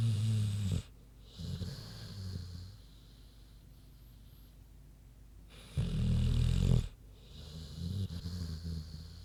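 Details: Deep, low, rumbling snores with quieter grunting breaths between them from Queenie, a big pig, sleeping; ordinary snoring.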